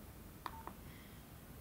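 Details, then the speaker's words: Two short quiet beeps as the Charge softkey is pressed on a corpuls1 defibrillator in manual mode to charge energy before a shock; tutorial demonstration. "To provide the energy, we press the softkey [Charge]."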